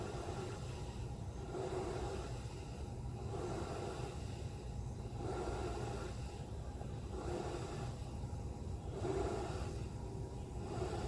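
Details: Steady CPAP machine hiss with rhythmic airy rushes about every 1.7 seconds, air escaping through an open mouth; mouth leak, chin strap advised; simulated demonstration.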